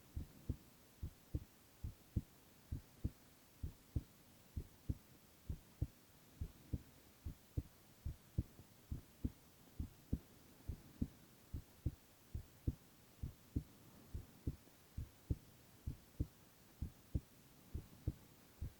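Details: Boy's heart sounds, ASMR recording: steady, regular low paired lub-dub thumps at about 90 beats a minute; normal heart sounds.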